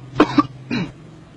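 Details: Adult's two or three short, dry coughs in quick succession, close to a throat clear.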